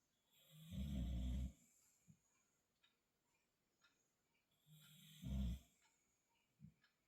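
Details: Boxer dog snoring during a nap: two deep, rattling snores on breathing in, with quiet breaths out between them.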